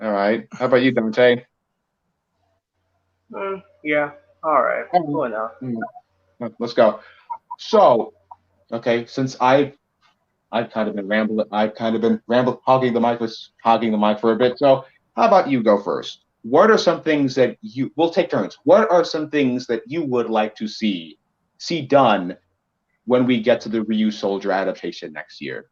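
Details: Male podcast co-host who says he has a bit of a speech impediment that may sound like rambling, type unspecified, with frequent word and phrase repetitions; speech impediment (disfluent speech).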